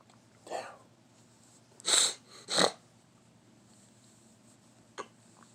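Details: A short indrawn breath followed by two sharp, hissing bursts in a quiet room, in the morning; ordinary sneeze.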